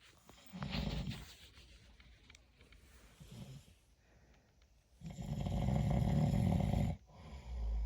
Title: Snoring 💤 tonight